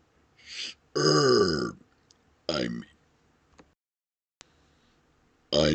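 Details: Deliberate burp-talking of Rick and Morty quotes: several loud, drawn-out voiced belches with shifting pitch, shaped like spoken words, with brief background music.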